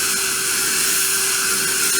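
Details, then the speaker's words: Steady high-pitched whine of a dental implant drill during implant surgery with GBR after extraction. The drilling runs along the palatal wall of the extraction socket, and a side-cut drill can be used to change the angulation. "During drilling, if you don't like your spot drilling angulation, you can, so at that time you can change the angulation by using side cut drill."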